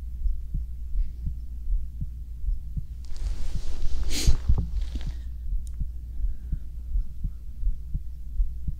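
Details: Adult male's heartbeat recorded binaurally for a sleep ASMR video, lying in bed: steady, soft low thumps at about 80 per minute with brief bedding rustle; stomach sounds may be included; normal heart sounds.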